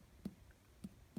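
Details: Teaching demonstration of abdominal percussion, done systematically across the abdomen after bowel and vascular auscultation: three short, soft taps, the last more hollow and resonant, contrasting tympany and dullness.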